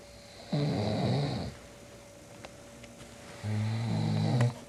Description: About 1 min 30 sec into the clip, this guy snores so loud he wakes himself up. This is borderline sleep apnea I think.